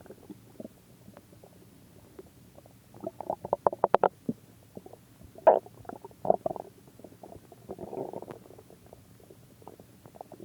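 Bubbling, gurgling rumbles in bursts with a brief low groan in a quiet room: ordinary stomach growling from gas and fluid moving through the gut.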